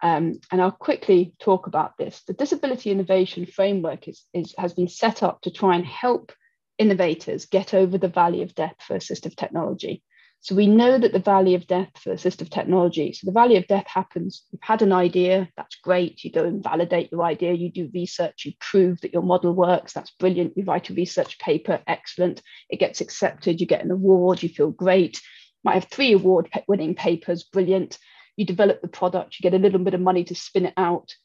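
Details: Adult woman speaking; normal fluent speech.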